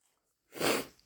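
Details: Induced sneeze from a tickly nose after waking: after a brief silence, a single sudden, loud, wet burst of air out through the nose and mouth.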